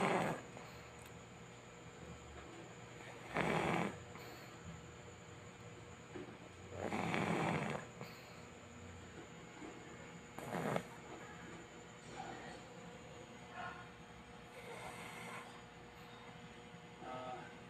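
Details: Sleeping overweight pet pug, snoring like a human: rough, snorting snores recurring slowly, about three loud breaths in under twenty seconds, with softer breathing between.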